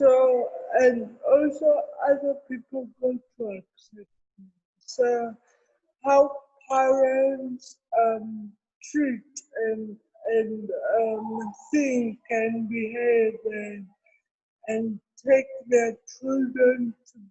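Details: Adult woman with cerebral palsy present since birth, speaking in an interview; dysarthria (cerebral palsy).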